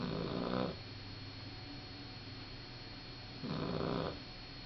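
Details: Sleeping male puppy: two rumbling, fluttering snores about three seconds apart against a quiet steady hum; ordinary snoring.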